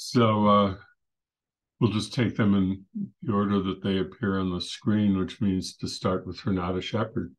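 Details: Adult man speaking; Normal voice.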